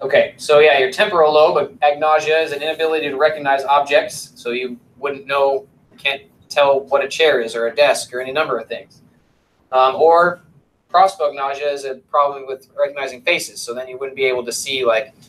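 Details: Adult lecturer; normal speech.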